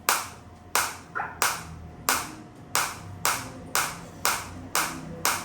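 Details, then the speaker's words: Biotronix focused (not radial) shockwave therapy device firing at intensity 8, demonstrated on the operator's own body: sharp, loud snapping pulses about one every two-thirds of a second. "तो इस तरीके से आप देख सकते हैं ये शॉक आ रहे हैं। अभी एट इंटेंसिटी है।"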